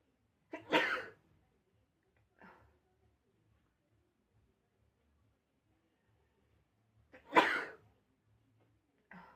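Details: Sneezing: two sharp sneezes, each with a small lead-in breath, followed by softer snorts in a quiet room.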